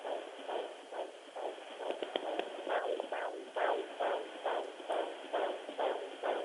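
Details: Rapid, rhythmic whooshing pulses, about 136 beats a minute: a strong fetal heartbeat of a baby boy at 20 weeks of pregnancy, found at home with a home fetal Doppler.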